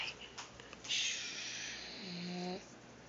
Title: Pug snoring